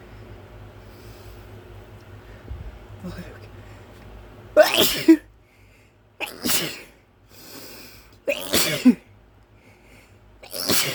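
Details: Adult deliberately tickling the inside of the nose with a tiny feather: several sharp, forceful sneezes with brief gasps between them; induced sneezing.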